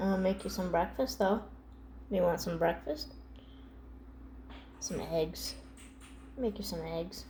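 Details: Adult speaker; ordinary speech.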